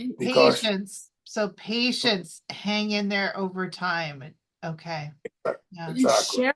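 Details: Adult woman speaking; normal speech.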